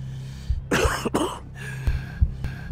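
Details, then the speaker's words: Two harsh, rattly cough bursts from an adult acting a smoker's cough in a public service anti-smoking announcement, over a low musical hum. "Hai batuk seorang perokok adalah tanda rusaknya seluruh tubuh Berhentilah merokok sekarang juga"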